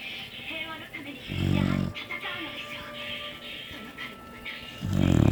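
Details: Two loud, low, rumbling snores about three and a half seconds apart from a sleeping beagle, over background music or television: snoring.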